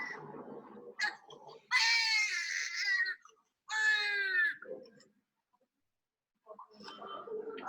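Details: Baby with stridor crying during laryngoscopy, which showed edema, hyperemia and a narrowed subglottis: two strained, high-pitched cries with background talk.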